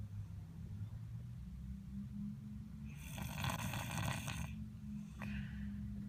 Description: This time he is showing us his snoring! Snores like his dad! Hehe